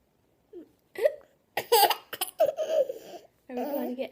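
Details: Young child with hiccups: abrupt catching sounds mixed with laughter and babbling.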